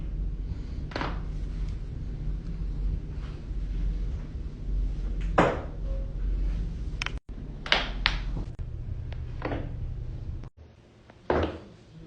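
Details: Compilation of loud back cracking during manual adjustment: several sharp, separate cracking pops with quiet gaps over low room noise; joint cavitation.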